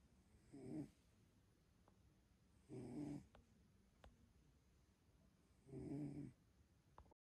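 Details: Sleeping cat snoring very loudly, recorded on an iPhone 12 Pro: three loud, rumbling snores at about 20 breaths a minute with quiet pauses between them.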